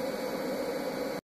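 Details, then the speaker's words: LTV 1200 ventilator set to non-invasive BiPAP-type function via SIMV/CPAP mode, no set tidal volume, patient expected to breathe spontaneously, apnea alarm under 12 breaths/min; steady airflow hiss, no alarms. "and again patient is uh in bipap now using the simv cpap mode of the"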